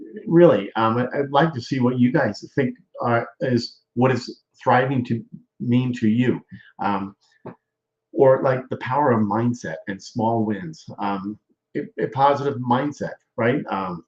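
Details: Aphasia with word-finding difficulty in a male stroke survivor.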